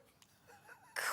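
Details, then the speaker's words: After near silence, a sudden loud, hissing burst of air: the explosive start of an adult's sneeze from the studio gallery during a live broadcast, cut off abruptly. "did you all hear that sneeze from the gallery did you hear it I feel I bet that was on the RoR scale that one there"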